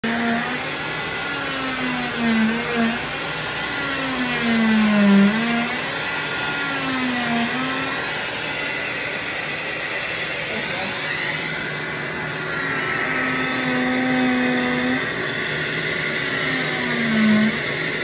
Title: Cast removal: will it hurt?